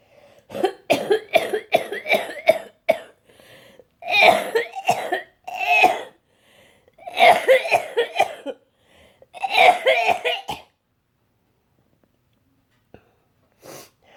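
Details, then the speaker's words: Person with cystic fibrosis just home from hospital, still on antibiotics: four bursts of rapid, harsh, wet-sounding coughs with short pauses between, then quiet; a forceful CF cough. "I just want to let you guys know that I'm home and show you what nasty old CF cough looks like"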